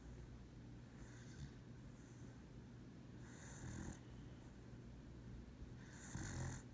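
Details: A dog sleeping during a lap nap, with soft, low rumbling snores and faint airy puffs on breathing; ordinary snoring.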